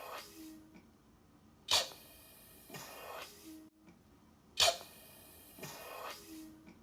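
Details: Eurus emergency ventilator, a manual resuscitator automated by a blood-pressure cuff: repeating hiss of air filling, then a sharp burst of venting, about every two to three seconds, emergency ventilator cycling.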